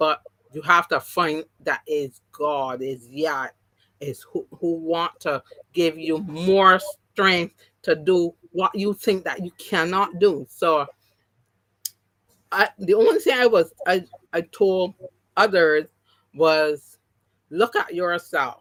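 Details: Aphasia, partially recovered, in an adult woman who had three strokes (2017, 2018, 2019). The first was haemorrhagic, causing loss of speech and right-sided paralysis. Speech has been regained, but some words will never come back.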